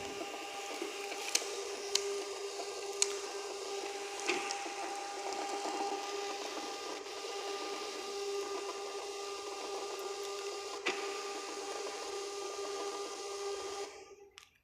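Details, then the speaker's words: Three-channel ECG machine printing in demo mode: soft, steady whirring with a faint tone and a few clicks as the thermal printer outputs the tracing, before the machine pauses to analyse. "अभी मैं इसको demo mode पे आपको working दिखा रहा हूं। यह हमारा डेमो मोड स्टार्ट हो गया। अब हम प्रिंटिंग देखते हैं।"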